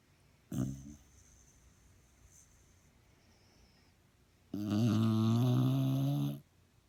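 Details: Overweight dachshund snoring: a brief snort, then a long, low, rumbling snore on inspiration; snoring.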